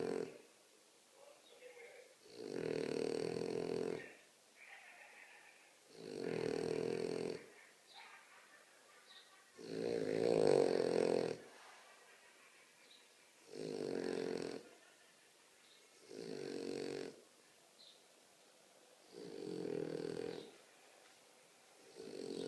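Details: Very loud snoring: regular rumbling snores, each about one and a half seconds long, roughly fourteen a minute, with quiet pauses between them.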